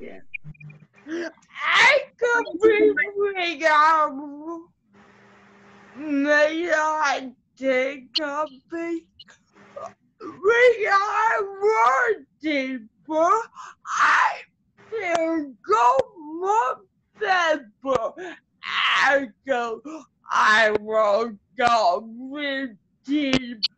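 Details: Adult woman with cerebral palsy whose muscles get tighter when she gets excited, making her speech harder to follow; dysarthria (cerebral palsy).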